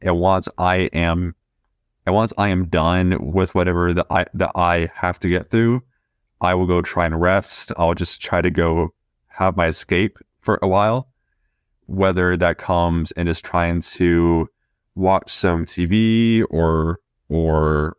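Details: 20-year-old man who has stuttered since about age two: stuttering.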